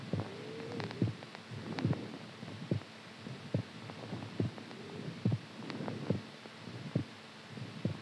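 Low, fairly regular heartbeat thumps at about 70 a minute, with a faint hum and some background noise; an ordinary heartbeat.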